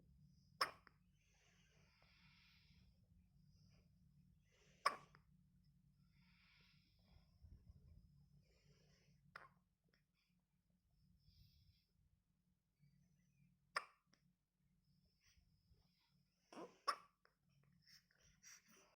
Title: Cute baby hiccups!!